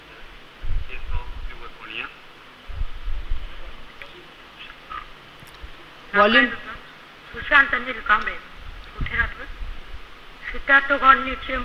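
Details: Puberphonia (persistent high-pitched voice after puberty) in a male patient, recorded before speech therapy; his voice was changed to normal in the first session.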